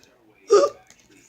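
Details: A single short, abrupt, voiced hiccup.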